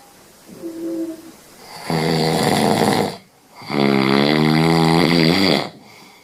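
Two long, loud, buzzing breath sounds with a strong low rattle, following a faint higher sound; snoring during sleep.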